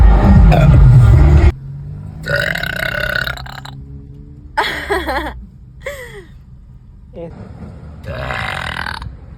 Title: Burping contest #burpy #burping #funny #burp #belching